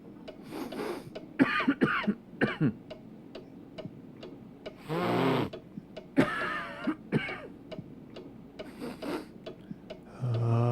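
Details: A big sneeze in a 30-second health referral commercial; sneeze.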